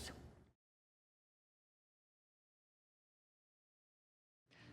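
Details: Simulated hearing loss of a partially deaf dancer, born deaf in the right ear with sensorineural hearing loss, whose hearing muffles when moving: a brief burst of sound cuts to about four seconds of silence, then faintly returns.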